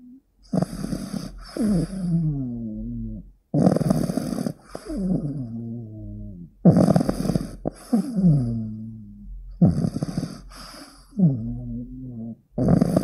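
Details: Loud rhythmic snoring from a sleeping 15-week-old pug puppy, about 20 breaths a minute, with a rough intake then a whistling, groaning exhale: snoring.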